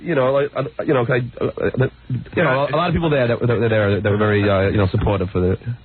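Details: Adult man described as stuttering badly, saying he is getting nervous (stuttering)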